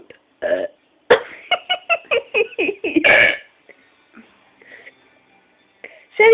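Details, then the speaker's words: A woman who says she can't stop burping, feeling more bubbling up: a rapid run of short, loud burps, about eight within two seconds, then quieter throat sounds; repeated belching. "yeah not done yet feel another one bubbling I still feel it bubbling yet"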